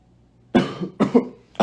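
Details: Someone trying to hold in a sneeze: two sharp, loud dry coughs in quick succession, with the start of a third; cough.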